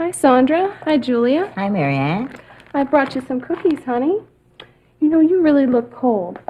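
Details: Adult woman, acted scene; Typical speech.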